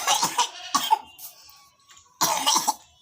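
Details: Child sick for several days with a cold, cough and fever, with swollen eyes and not eating: several harsh, rattly coughs in short bursts.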